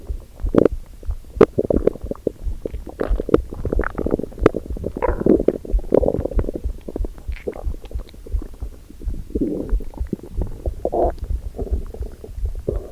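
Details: Recorder's own abdomen first thing in the morning, hungry before breakfast: gurgling, rumbling bowel sounds with bubbly pops and low groans from an empty stomach, hunger borborygmi.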